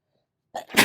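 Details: Person with a late-summer cold: a single sneeze, a brief indrawn burst then a loud explosive release; sneeze.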